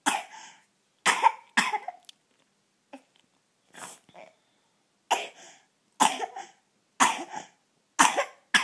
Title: coughing spasm